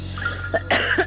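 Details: Waitress coughing after tasting a greasy dish of food, two or three short, harsh coughs over a steady background hum in a television broadcast; ordinary acute cough.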